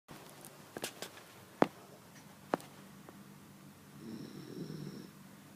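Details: A cat gives one soft, low, rumbling snore of about one second after a few sharp clicks in a quiet room: cat snoring.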